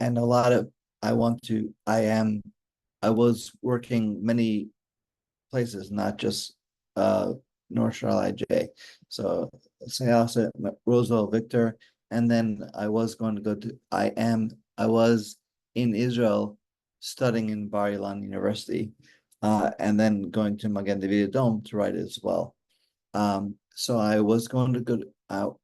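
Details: Aphasia in an adult man after a stroke during mitral valve surgery in 2007; he still works on his speech every day.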